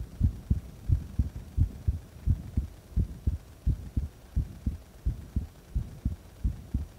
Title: 息止め心臓音とその後の心臓音